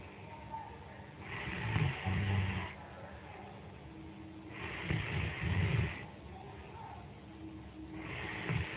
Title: Friend falls asleep during skype call. Recorded snoring